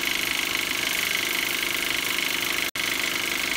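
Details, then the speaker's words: A Webetop dental water flosser is turned up to a stronger pressure setting, giving continuous, rapid, buzzing pulses with a hissing water spray. "cuz if it stays in the middle let's say for example it makes it stronger see that"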